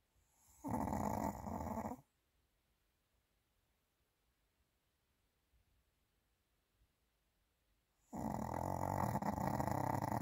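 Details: Pomeranian dog in deep sleep, lying comfortably as it falls asleep: two loud rattling snores separated by a long quiet pause; ordinary snoring.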